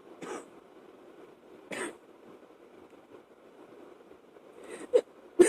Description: Still from my last chest cold... sorry about the fan blowing it was at night and I was of course sleeping, when this fit came to choke me...